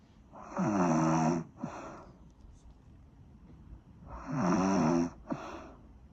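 Two loud rattling snores on breathing in, each followed by a short snort, about 4 seconds apart; heavy snoring.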